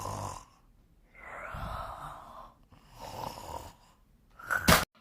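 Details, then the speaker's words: Cartoon character's acted, simulated snoring keeping another awake: loud, rough, rattling breaths in a slow rhythm, ending in a sharp clatter. "what the heck is going on why is he snoring and why are you not to bed I'm sorry he just keep on snoring and I can't sleep"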